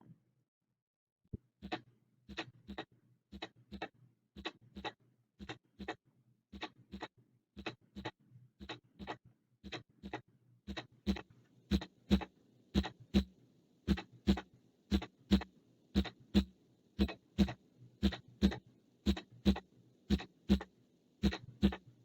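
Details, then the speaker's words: Regular paired lub-dub heart sounds at about 58 beats a minute, presented as a normal heart in a cardiac assessment lesson: normal S1 and S2 heart sounds. "let's listen to a normal heart"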